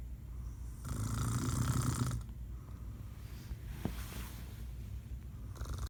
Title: Dad snoring